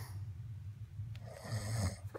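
Low, rough rattling snore on a breath in, with quiet room noise; ordinary snoring during sleep.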